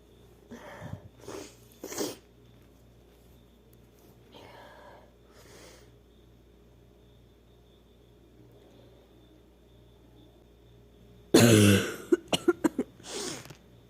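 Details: Female sneezing: quiet breaths and sniffs, then one loud explosive sneeze followed by brief short gasps and sniffs; sneeze.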